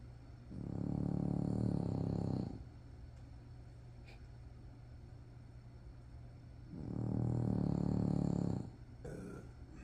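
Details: A young French Bulldog snoring: deep, buzzing snores, with two long inward snores about six seconds apart over a quiet background hum.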